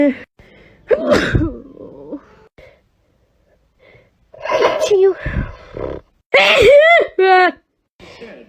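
Several sharp, explosive sneezes, some with a sharp intake of breath before and a voiced cry after; ordinary sneezing.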